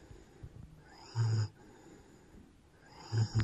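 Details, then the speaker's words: Weimaraner puppy sleeping, exhausted after a 2–3 hour outing, cuddled against the owner; snoring. "Gute Nacht, lieber Lorbeer. Hört man das eigentlich, wie der schnarcht?"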